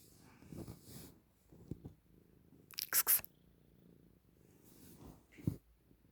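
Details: Maine Coon cat with snotty nose: soft purring and wet snuffly breaths, then a sharp double sneeze burst expelling a huge snot ball; congested sneezing.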